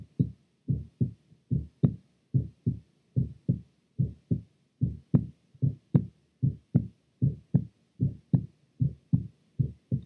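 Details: Normal heart sounds recorded with an Eko electronic stethoscope and shown as a phonocardiogram: steady paired lub-dub at about 75 beats a minute, a normal adult heart rhythm.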